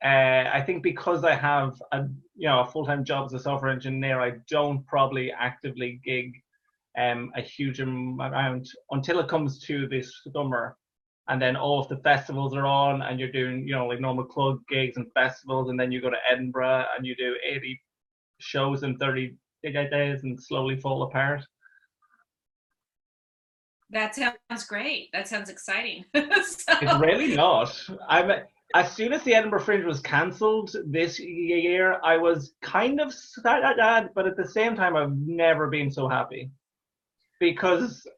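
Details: Real stammer in an adult Irish male stand-up comedian who has stammered through his comedy career since 2010, speaking conversationally; stuttering (stammering).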